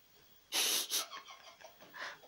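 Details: Voiceless meow (aphonia) in a female cat that intermittently meows with no voice at all; owner suspects tiredness.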